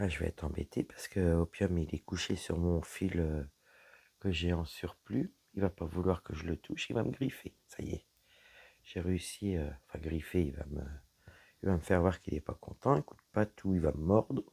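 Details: Dysphonia in a woman whose vocal cords were damaged by a serious health problem; low-pitched voice.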